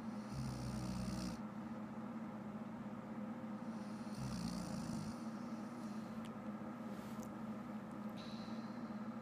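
Low rumbling snores on two breaths over steady room noise; snoring.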